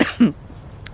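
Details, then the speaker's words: Adult woman who was coughing all night and couldn't sleep, filming outdoors: two quick harsh cough bursts after choking on air, then quiet with faint background sound. "choked on air. There's the cough."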